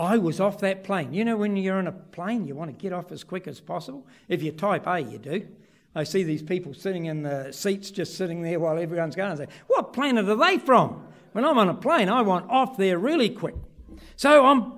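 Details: Adult man; normal speech.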